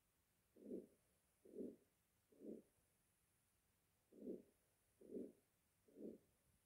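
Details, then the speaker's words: Severe aortic stenosis: a harsh systolic murmur that rises then fades with each beat, about 68 per minute. "next sound is ortix stenosis severe form i hope you can hear it properly"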